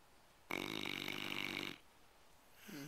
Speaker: it's really tired he's snoring lab he's part motorboat